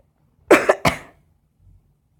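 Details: Two quick, harsh coughs in a quiet room, heard during gameplay without commentary.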